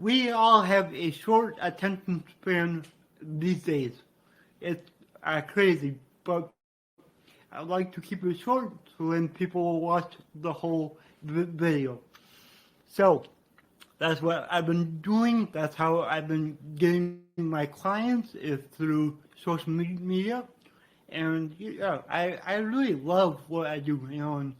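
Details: Adult man with dysarthria due to cerebral palsy, which he attributes to brain damage after being born without heartbeat or breathing and being revived.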